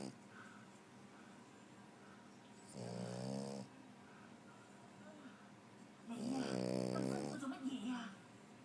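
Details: Loud rattling snores about three seconds apart, each with a buzzing vibration on the in-breath, against quiet room noise; snoring.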